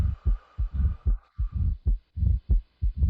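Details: Low, regular lub-dub heart sounds through a stethoscope at about 74 beats a minute, patient sitting forward after a deep breath out with breath held: normal heart sounds.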